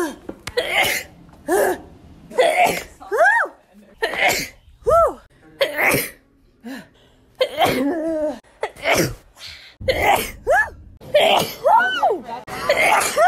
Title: 100 Miles per Hour (a sneeze compilation) Part 2